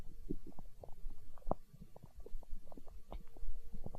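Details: ASMR recording of a growling stomach tagged as hunger sounds: continuous low gurgling, bubbling and squeaky rumbles; stomach growling (borborygmi).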